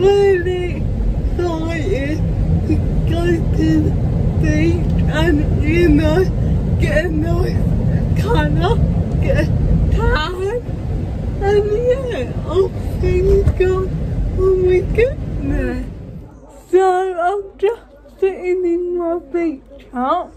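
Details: Woman with cerebral palsy speaking in her own vlog; dysarthria due to cerebral palsy.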